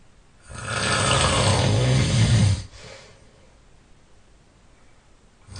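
A single long, very loud, rattling snore on the in-breath, then a softer out-breath; heavy snoring.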